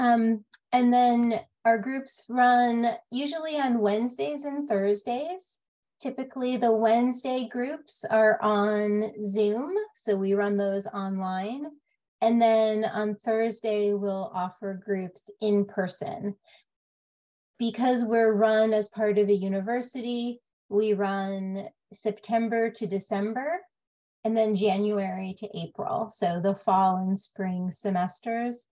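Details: Adult woman speaking; normal speech.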